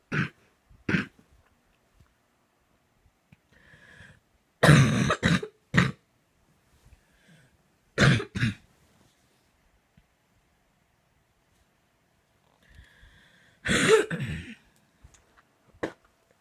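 Harsh coughs come in clusters, with strained breaths and throat-clearing between bouts, in a quiet room. A prolonged coughing fit.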